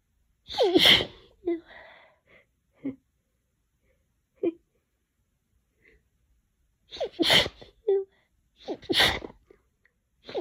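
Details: Messy sneezes from a person with a cold.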